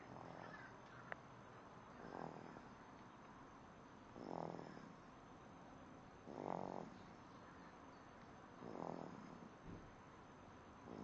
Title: Do babies snore?